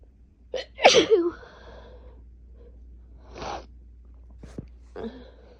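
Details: Loud forceful sneeze with a sharp intake before it, then quieter sniffs and breaths, during a season's first cold with asthma chest tightness, sinus pressure for 3 days and fever for two.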